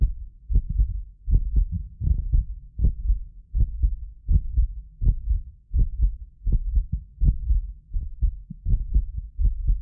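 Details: Heartbeat of a medically fit adult recorded with several precision contact microphones: steady low thumping at about 80 beats a minute; occasional doubled clicks are a multi-microphone delay artefact; normal heart sounds.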